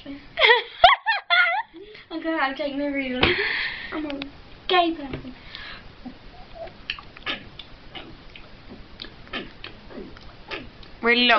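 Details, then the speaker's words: A child burping on purpose by trapping air in the throat: a long, drawn-out voiced belch among giggles and chatter. "That sound like you sort of swallow something wrong."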